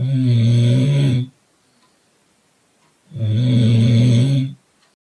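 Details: Person sleeping in a car: two loud, deep, rattling snores about three seconds apart, with quiet pauses between them; ordinary snoring.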